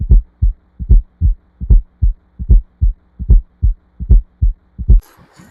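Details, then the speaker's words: Regular heartbeat near 75 a minute with a soft extra thump just before the first sound: S4 gallop, an abnormal sound that may indicate heart failure or hypertension. "उसके अलावा S four sound जो होता है वो produce होता है। वो abnormal sound होता है जो हमें इंडिकेट कर सकता है हार्ट फेलर के तौर पर हाइपर हाइपरटेंशन के तौर पर।"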